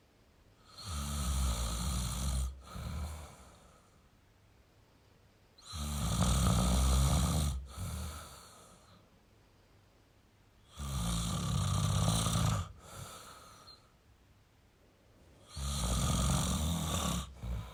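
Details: Male snoring: loud, rattling snores on each in-breath, about 13 breaths a minute, with quiet pauses between.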